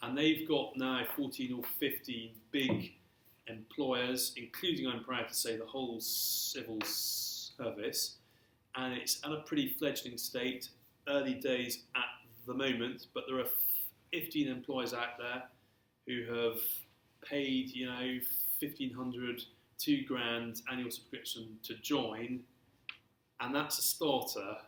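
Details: Stammering in an adult man who has stammered since early childhood and throughout his career; stammering (stuttering).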